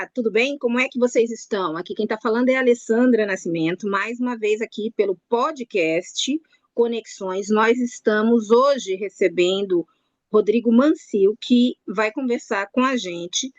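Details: Adult woman speaking; Normal speech.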